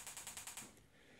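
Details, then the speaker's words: Extracorporeal shockwave therapy for Achilles tendinitis on a Gymna Shockmaster 300 with a 15 mm convex head at 3 bar and 10 Hz over ultrasound gel: rapid, regular sharp clicking pulses, about 10 a second, then stopping, during a 200-shock spot treatment. "you can see here we're coming down now through the tendon for 200 shocks that would give you 1,800 shocks in total"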